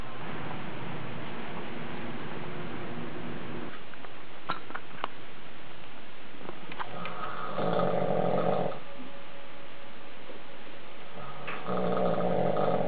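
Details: Adult man (husband) snoring during sleep at night: low, rough, rumbling breaths over a steady room hum.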